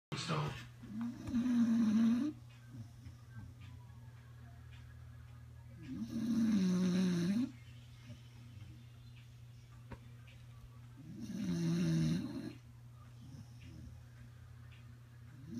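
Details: Snoring from a sleeping dog: three slow, loud, rumbling snores at about 12 a minute over a steady low hum.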